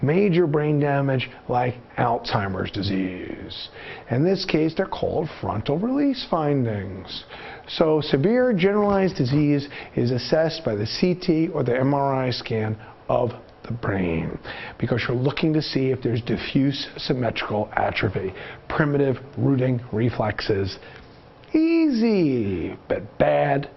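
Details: Adult male narrator; normal speech.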